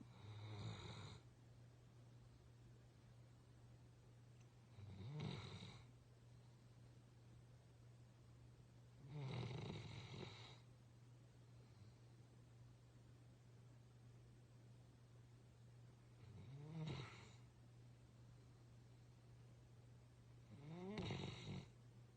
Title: Bear snoring